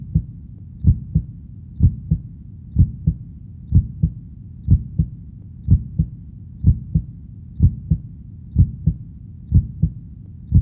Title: Heartbeat sound for shifting 25 minutes | Shift Realities | Sleep | Relax | Reality Shifitng